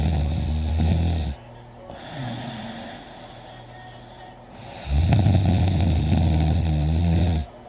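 Loud, low rattling snores on breathing in, with heavy breathing between them; snoring during sleep.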